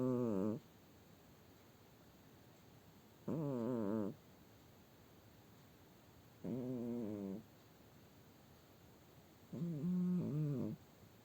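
Four slow, voiced snoring sounds, about 18 a minute, loud and humanlike, with steady room hiss between them.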